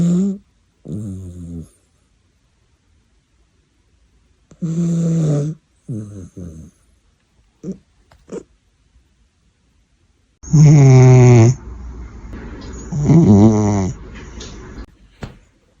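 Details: Alternating rough, voiced snores with quiet pauses between, from a sleeping adult man (a father) and a fluffy cat in a quiet room; snoring from both.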